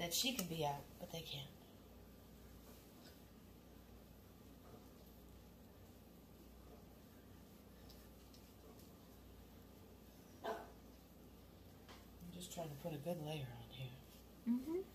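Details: Adult speaker; typical speech.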